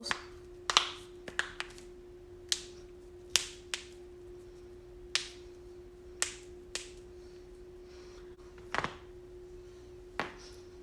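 About a dozen sharp, dry pops at irregular intervals, typical of harmless joint cracking, over a steady low hum.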